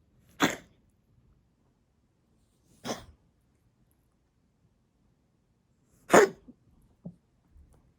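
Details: A brown tabby (kijitora) cat with asthma coughs, recorded 2021-02-27: three short, dry hacking bursts a few seconds apart, with faint smaller sounds after the last, a feline asthma cough.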